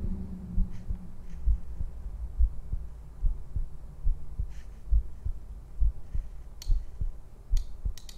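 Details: Soft low thumps repeating at roughly 67 a minute under faint room noise and clicks; a steady heartbeat.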